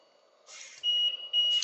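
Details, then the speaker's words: LTV 1200 portable ventilator: short hiss then two high steady alarm tones, low pressure and low minute volume alarms triggered by slightly loosening a circuit connection during a setup demonstration. "por exemplo você rosquinha um pouquinho aqui não precisa muito só tem um pouco baixa pressão"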